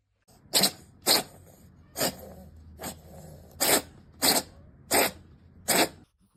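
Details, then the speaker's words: Cat sneezing: a run of eight short, sharp, hissing bursts in quick succession; repeated sneezing. "Ranking silly cat sneezes."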